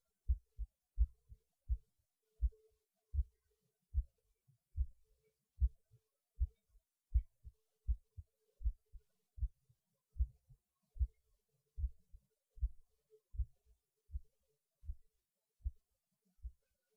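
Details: Recorded at lunch, pausing while eating because the heart felt like it was beating hard (usual when eating) though the rate changed little: soft, quiet low heartbeat thumps, about 80 a minute, fairly regular, faint background hum; normal heartbeat.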